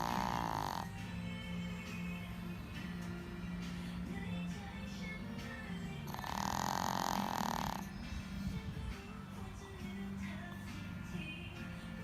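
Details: Dog sleeping after a full meal, two loud, rasping snores standing out over steady background music; snoring.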